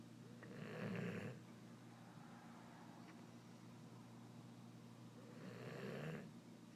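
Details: A sleeping dog gives two loud, rough snoring breaths about five seconds apart over a steady low hum; snoring.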